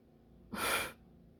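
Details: Single short, breathy nasal burst like a sneeze or forceful snort in a quiet room.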